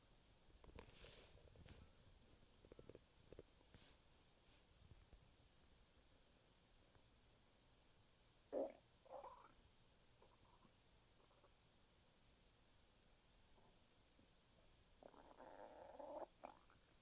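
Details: Quiet, irregular gurgles and rumbles from the abdomen after eating a chicken Caesar wrap: ordinary stomach rumbling, bowel sounds (borborygmi).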